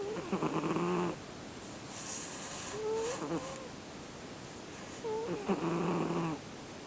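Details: Male Siamese cat snoring while asleep: soft, low rattling snores with gentle breathy sounds between them.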